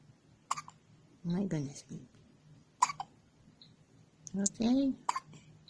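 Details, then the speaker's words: Baby with strong, recurring hiccups, three abrupt sharp hiccups about every two seconds with an adult talking softly between; caregiver wonders if the baby drank too much milk or didn't burp enough; hiccups. "you got the hiccups again once you do what you're doing or two hiccups again"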